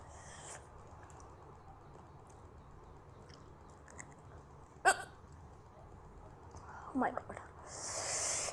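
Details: Girl's hiccups: two short, sharp catching sounds breaking through quiet room noise.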